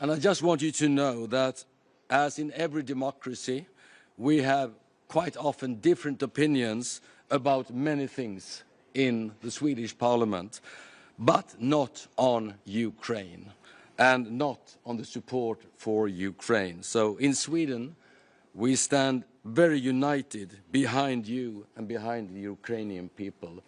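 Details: Adult man; Normal speech.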